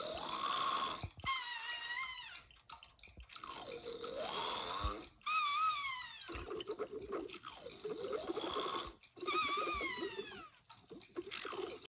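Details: Cartoon snoring from the animated film Pinocchio (1940), Geppetto: rumbling inhaled snores alternate with whistling exhalations about every four seconds, exaggerated for comic effect; snoring.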